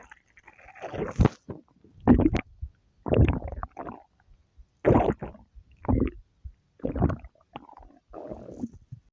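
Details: Stomach growling (borborygmi): irregular low gurgling rumbles in bursts with brief pauses, an ordinary gut sound.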